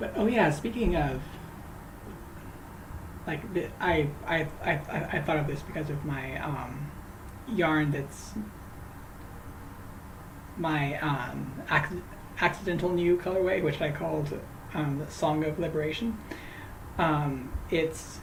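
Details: Adult male host who says he stutters, talking live while crocheting, with word and phrase repetitions that worsen when greeting people by name: stuttering.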